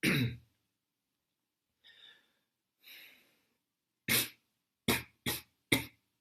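One cough, two audible breaths in, then a quick run of four sharp coughs: five explosive coughs in all, in a quiet room.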